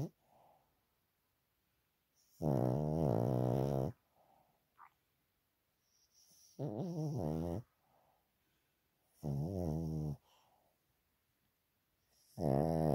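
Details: Dog (Chewy) heavy snoring while asleep: loud, rattling, low snores about every 3–4 seconds with quieter exhaled puffs between; owner considers a vet check to see that he is breathing properly.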